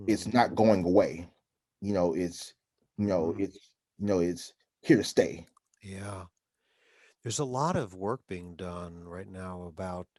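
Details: Adult man who stutters, with frequent interjections such as 'um'; stuttering.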